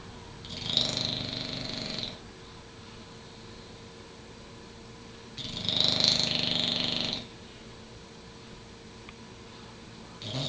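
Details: Pet Derby asleep, usually snoring louder; regular hissing, rasping snores about 12 a minute, each roughly two seconds, with quiet pauses; ordinary snoring.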